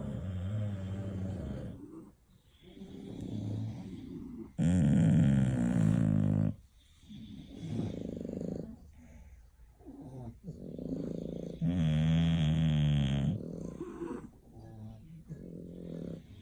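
Loud, rough, rattling snores with repeated fluttering noisy breaths in and out from a sleeping flat-faced dog; snoring.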